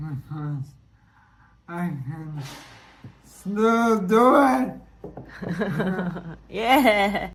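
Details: Dysarthria from bulbar ALS (motor neuron disease) in a man, slurring since late 2023; self-described weak, labored voice from weakening throat muscles, breathlessness when speaking; expects eventual loss of speech and swallowing.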